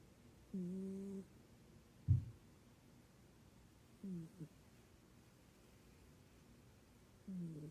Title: Cat snoring (please raise the volume)